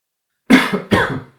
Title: 1 hour of silence broken by coughing